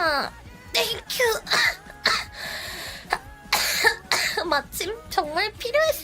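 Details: A girl gives a few short coughs and throat clearing mixed with lively talk and background music during a Korean-language livestream; she mentions her throat.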